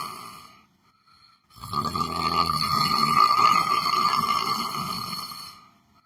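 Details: Person sitting down on a chair, asleep and snoring: a long, loud, buzzing snore on breathing in, following a shorter one; snoring.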